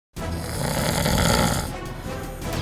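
One loud, long, rattling snore played over music, in an advertisement.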